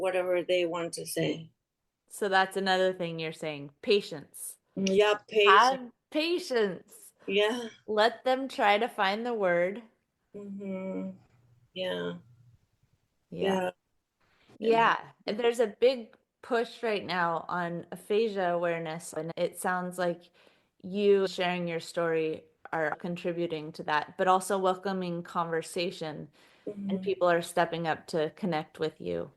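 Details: Adult interviewer in conversation; Typical speech.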